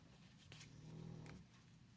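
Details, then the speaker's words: Soft, low rumbling snore from Bruno, a sleeping dog lying below the owner's feet, with faint paper rustling in a quiet room. "can you hear bruno snoring he's right below my feet"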